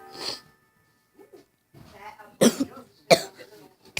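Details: A child who is still sick and coughs at night gives three sharp, abrupt coughs with brief quiet gaps and faint voice sounds between them.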